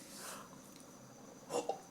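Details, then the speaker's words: Hiccups at night before bed: a short, abrupt burst of voiced sound with a quick catch in a quiet room; person reports having such strong hiccups. "wow I have such strong hicups I'm going to bed"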